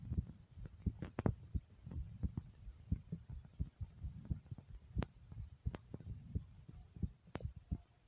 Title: Thumping Heartbeat